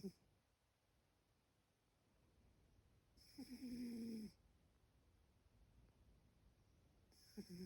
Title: Just Shae the cat snoring while awake